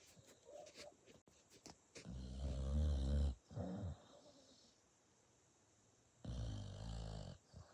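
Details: Sleeping dog snoring: loud, rough, rattling snores with softer snorting breaths between them.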